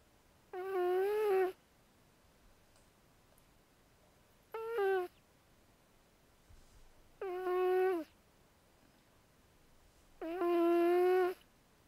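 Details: Female cat snoring in sleep, owner suspects her vocal cords never fully developed (she doesn't meow at the end), described as healthy: four drawn-out, tonal snores, roughly 20 a minute, in a quiet room.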